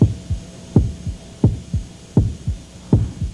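Simulated pulsatile tinnitus: soft, regular low double thumps like a heartbeat, about 80 a minute.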